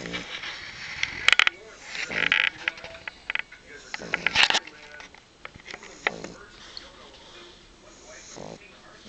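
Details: French Bulldog snoring while napping: irregular snorting, rattling breaths with sharp snuffles.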